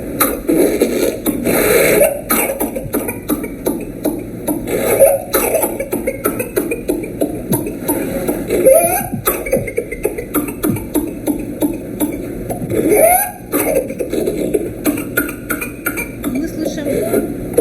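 A child's repeated cough bursts over steady background noise, most likely an infectious cough.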